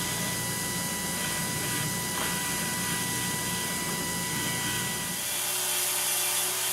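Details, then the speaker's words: Dental high-speed handpiece with an 8847 bur preparing a maxillary central incisor for a PFM crown on a Kilgore typodont, following the contour with extra incisal-third reduction; steady high-pitched whine and grinding. "So make sure that it follows the contour with a little more reduction in the incisal third, as we've been mentioning."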